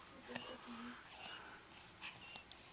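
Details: Young girl in respiratory distress with visible supraclavicular retractions; faint, short whistling tones with her labored breaths in a quiet room; audible wheezing.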